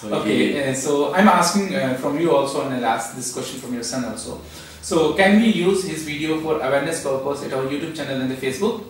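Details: Adult male speaker; ordinary speech.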